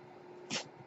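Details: Steady low room hum, then a single brief airy hiss of air release from the male podcaster's own ventilator, heard during his speech; a mechanical ventilator breath cycling.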